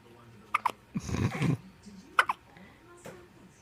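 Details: Three short, sharp, voiced catches about a second apart with brief chatter between, part of a long, persistent bout of hiccups.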